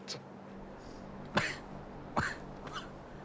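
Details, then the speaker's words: Adult in a TV show clip, saying he coughed his lungs up: two or three short, harsh cough bursts over a low steady hum. Cough. "and even though I'd given my all I just cough my lungs up"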